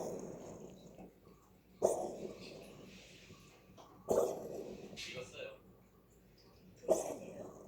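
Three short, sharp bursts about two to three seconds apart, each with a brief trailing hiss, over a quiet room: a cat coughing.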